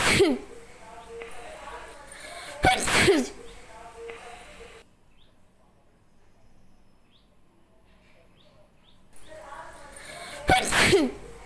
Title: #sneezing challenge 🤧//most# requested video// #sneezing funny video 💞💞